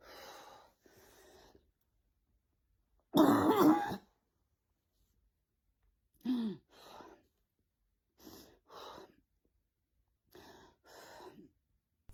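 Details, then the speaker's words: Woman, 51, in menopause, during a real-time panic attack before leaving for work: repeated short throaty retching and gagging with a loud strained heave and swallowing breaths between, nausea recurring every 5-10 minutes. "I'm breathing through it. I'm swallowing. I'm trying to get past the sickness again. That's just reared its ugly head again."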